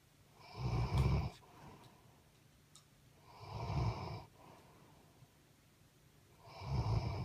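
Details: A sleeping dog snores heavily, with three loud, rumbling, rattly snores on each inward breath at about 20 breaths a minute and quiet out-breaths between; snoring.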